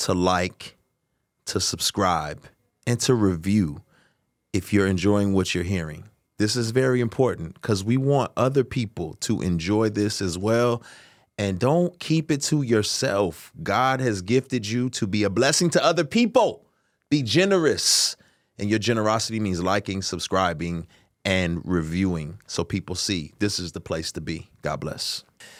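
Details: Adult male speaker; normal speech.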